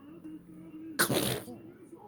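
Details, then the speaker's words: A child pretending to sneeze when asked: after a short quiet lead-in, one loud, sudden burst of breath and noise, an imitated sneeze. "bless you go ammy are you trying to sneeze bless you you going to sneeze again sneeze"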